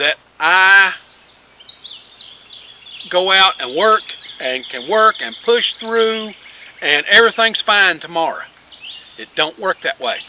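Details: Man with multiple sclerosis since 1997 (confirmed 2002), with word-finding difficulty, who quit teaching because of it; finding: scanning speech.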